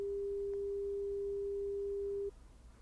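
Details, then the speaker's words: Steady pure beep lasting about two seconds, then quiet: a 400 Hz pure-tone hearing test tone, played in a simulated ASMR roleplay hearing exam with tones stepping from 300 to 900 Hz. "So this is 300 hertz. Could you hear that? Okay, perfect. Now moving on to 400 hertz."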